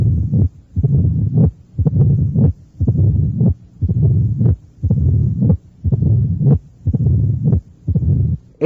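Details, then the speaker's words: Classic mitral stenosis, built step by step at about 59 a minute: accentuated first sound, opening snap, mid-diastolic rumble that masks the snap, and presystolic murmur. "es el complejo a oculta torio clásico encontrado en la estenosis mitral un primer ruido acentuado un chasquido de apertura un soplo mesos diastólico y un soplo pre sistólico"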